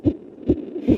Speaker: the heartbeat of an infant in the womb at 6 months his heart's beating at about 140 beats per minute